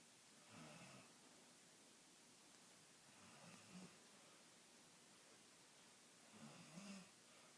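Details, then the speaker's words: Soft, rough snores roughly every three seconds over a steady background hiss: light snoring in a sleeping person. "do you really snore like that? Stop."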